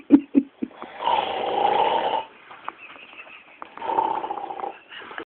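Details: Snoring: two long, rough, fluttering snores on the breath, preceded by a few short snorts.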